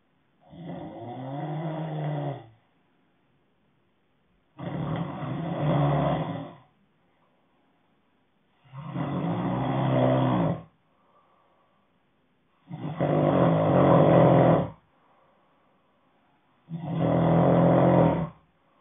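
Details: Loud, rough rattling snores about 16 times a minute, each lasting around two seconds, with silent gaps between; heavy sleep snoring.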